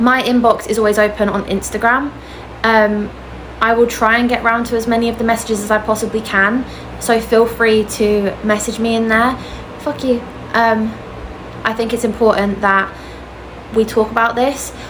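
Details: Adult woman with Tourette syndrome; a vocal tic interjection is heard while she is speaking; vocal tic (Tourette syndrome).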